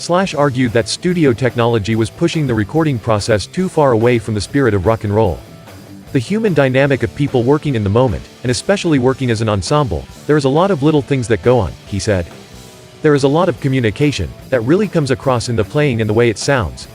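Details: Adult male speaker; normal speech.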